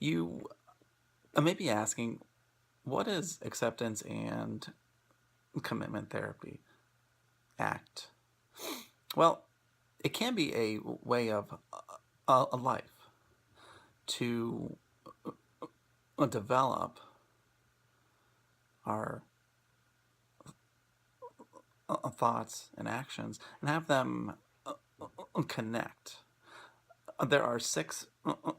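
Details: Adult male speaker; stuttering.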